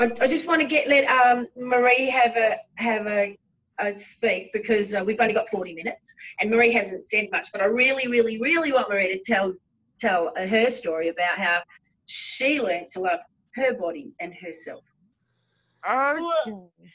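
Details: Adult woman; typical speech.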